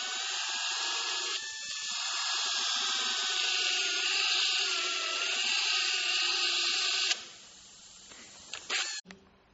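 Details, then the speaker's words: Dental drill with a small round bur: steady high whine for about seven seconds, then stopping, cutting an access slot from the marginal ridge crest into caries, class II slot cavity, distal tooth 25. "bore, a small round bore, which is used to cut a slot beginning at the crest of the marginal ridge. You can now see the small round bore used to cut a slot."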